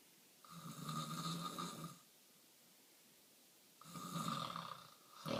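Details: Snoring recorded before surgery: two loud, harsh snores with quiet pauses, the start of a third at the end; heavy snoring during sleep.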